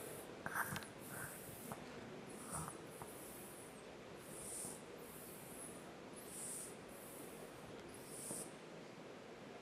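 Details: Child, presented in a pediatric respiratory distress session: nasal snuffles, noisy breathing from nasal blockage.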